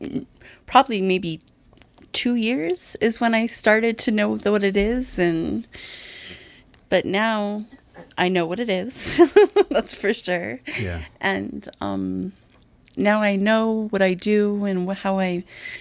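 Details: Adult with aphasia after a stroke, in an aphasia group for about 2 years; aphasia.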